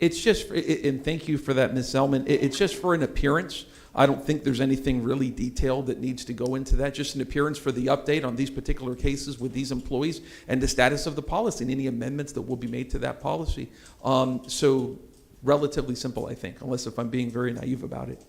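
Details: Adult male speaker; normal voice.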